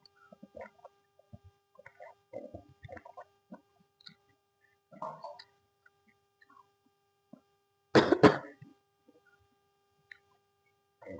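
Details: Coughing bursts while eating fried iftar snacks (bakwan, risol with chili and sauce) to break the fast; quiet chewing, then a sudden double cough.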